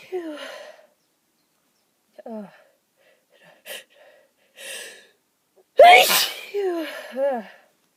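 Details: Person trying to hold back repeated sneezes: short held-back breaths and stifled sounds, then one loud sneeze bursting through, followed by a few quiet vocal sounds.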